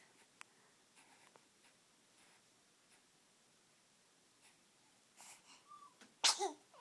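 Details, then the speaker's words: 10-week-old baby girl: a quiet room, then one sharp, explosive burst of air; a single infant sneeze. "oh that was a loud noise there was a loud"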